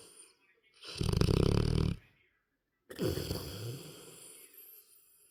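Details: Large 9-month-old dog sleeping in an odd, contorted position, snoring with a vibrating snore; a deep, rattling snore on the breath in, then a softer breath out.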